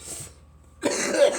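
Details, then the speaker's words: Short harsh cough burst after a brief pause in an adult just after inhaling smoke from a bong; irritated cough. "okay good morning everybody this is going to be like a like a we cough video cuz I just hit a mass of bong"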